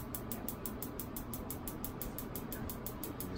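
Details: Fast, regular clicking, about six pulses a second, over a low rumble: a focused shockwave device delivering shots to a man's right ankle with bone-on-bone osteoarthritis, adjusted over tender spots, with the patient reporting deeper sensation.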